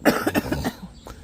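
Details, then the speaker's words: Cough from a woman outdoors beside a man who is smoking a cigar. "She cough, folks, as you can hear."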